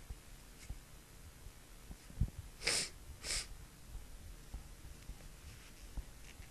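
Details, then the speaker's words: Female announcing each sneeze ("I'm gonna sneeze") before letting it out: two quick hissing bursts in succession, a pair of sneezes over faint room noise. "I'm gonna sneeze. I'm gonna sneeze."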